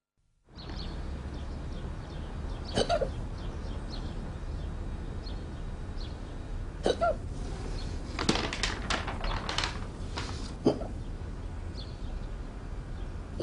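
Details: Several short, sharp hiccup sounds at irregular intervals over steady background hum, from a Volkswagen TV advertisement; hiccups.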